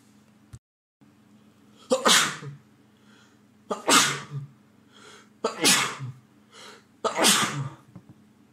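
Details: Man with a cold lasting over a week, having recurring sneezing fits: four forceful, hissing sneezes in quick succession over about eight seconds, with brief breaths between; a sneezing fit.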